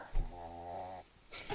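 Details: A chug (chihuahua-pug mix) dog asleep with its head stuck in the owner's pocket: one long, low, rattling, voiced breath, a brief pause, then the start of another; loud dog snoring.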